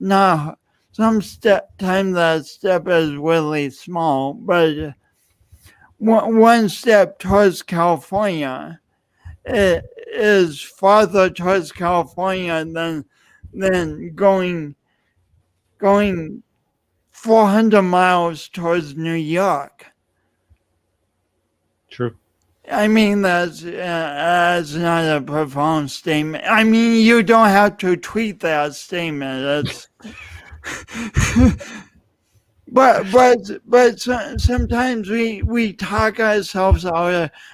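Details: Adult male speaker; speech impediment.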